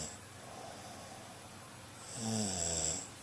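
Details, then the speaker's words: Snoring in a sleeping adult, recorded on a Flip Video camcorder at 9:19 on a Sunday to prove the snoring: a soft breathy inhale, then a louder buzzing snore on the next breath. "This is in case you don't believe me about your snoring. It's 9:19 Sunday."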